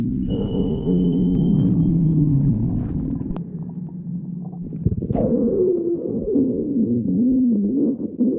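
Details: Stomach growling recorded from a person: borborygmi.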